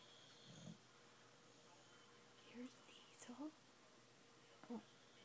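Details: Dog snoring while asleep: snoring.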